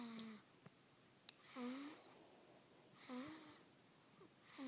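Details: Sleeping newborn, almost 3 weeks old, after a long day: soft, squeaky, whistling noises with each breath, roughly 40 a minute; light snoring.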